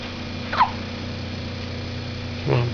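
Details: Baby boy with hiccups: two brief, sharp hiccup-like sounds about two seconds apart over a steady room hum.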